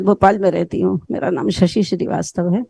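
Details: 65-year-old woman presented as a case with an abnormal voice; diagnosis not stated, though the session was discussing ventricular band voice; dysphonia.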